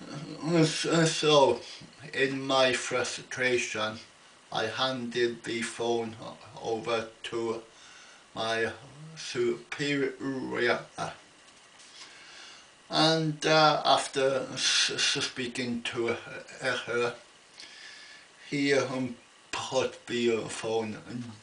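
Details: Adult man with an ongoing stammer, attending a weekly speech therapy group: stuttering.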